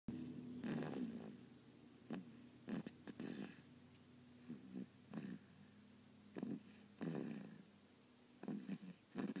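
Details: Person asleep: irregular rough, snorting breath noises recur over a steady low room hum; snoring during sleep.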